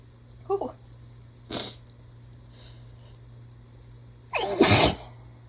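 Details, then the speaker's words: Two sneezes while run down and congested, possibly sick or from rising pollen: the first short and half stifled, the second loud and forceful after a brief voiced lead-in, over low room hum; speaker trying not to sneeze loudly. "I'm really trying not to make them so loud because I think a little bit when I just let everything go"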